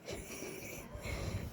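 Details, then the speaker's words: Low rattling snore from a sleeping adult man (father), a rough fluttering noise on breathing in: snoring. "সোনা পাপা নাক ডাকছে, পাপা নাক ডাকছে সোনা। কেমন করে নাক ডাকছে? খাও খাও করে।"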